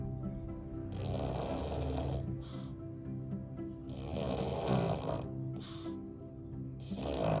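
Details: Pug taking a nap, snoring; snoring.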